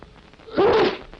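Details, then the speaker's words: 1946 public information film on handkerchief use against spreading disease: a man's single sharp, explosive sneeze lasting about half a second, old film recording; sneeze. "sneezes] That's the idea. [Man sneezes] Fine. Now you can carry on.""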